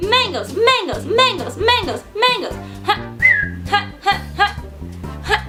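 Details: Adult woman with Tourette syndrome producing vocal tics ("ha", a whistle, repeated "mangoes") while talking: vocal tics.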